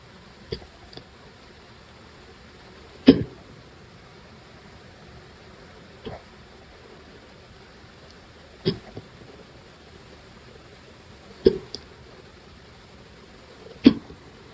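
Short, sharp throaty clicks every two to three seconds, about six in fifteen seconds: hiccups.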